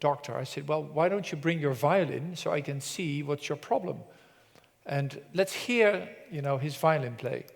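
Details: Adult male presenter; normal adult speech.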